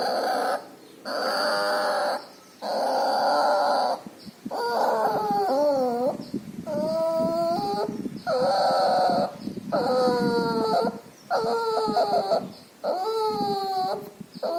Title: Puppy has pneumonia and distemper. Loud breathing noise and nasal discharge.